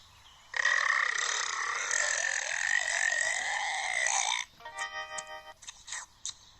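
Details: Cartoon belch: one long, loud, rasping, exaggerated belch of about four seconds in a burp competition, then brief sound effects.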